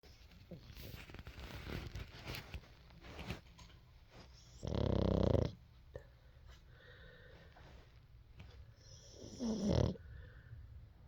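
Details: Boston Terrier asleep with eyes open: two loud, rough snorting snores a few seconds apart with quieter rustling between; dog snoring.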